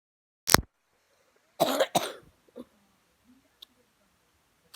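Three sharp, harsh coughs, then a softer throat-clearing sound, from an adult who is unwell.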